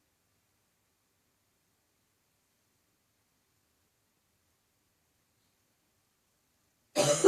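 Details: A woman's ongoing tickly cough with nose blowing: several seconds of silence, then one brief, cut-off cough or throat-clearing at the very end.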